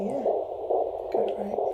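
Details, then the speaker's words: Fetal heartbeat on handheld Doppler during a rural midwife's antenatal check, baby head-down: rhythmic whooshing pulses about 130 a minute with fetal movements, judged normal and reassuring. "Always nice to hear that, isn't it? What with the heartbeat and all the nice constant movements."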